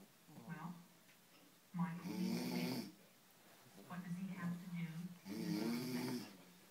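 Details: A sleeping 6-week-old baby boy snores like a man: loud, rattling, deep-toned snores on two breaths, with softer buzzing breaths between them.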